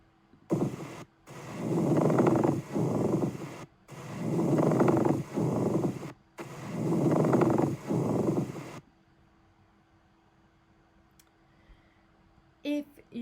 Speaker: the last one is a plural rub which is evidence of plural in inflammation so a description of this is almost like sandpaper rubbing together or kind of the crunch crunch crunch of feet going into freshly laid snow would be two ways that i think of plural rub